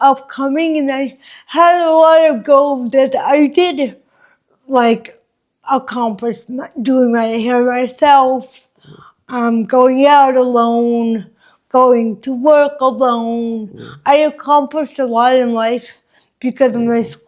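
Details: Dysarthria in an adult woman with congenital cerebral palsy, present since birth, which she says affects her walking, face, mouth, drooling and speech.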